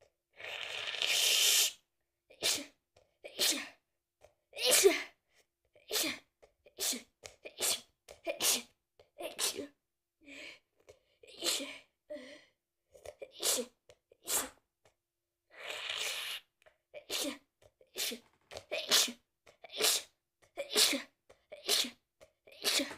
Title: I caught a cold and now im sneezing😷🤒(noseblowing)